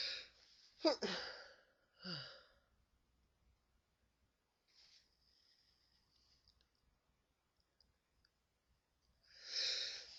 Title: Sneezing Into A Tissue